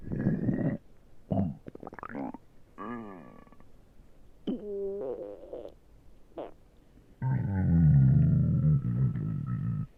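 Low gurgling, rumbling and squeaky whining sounds from the belly; ordinary stomach growling from gas and fluid moving through the gut.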